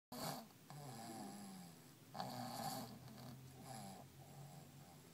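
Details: 7-month-old baby boy, sleeping, with a cold and sweating in an 18-degree room, gives rough, rattling snores with each breath in a quiet room; ordinary snoring.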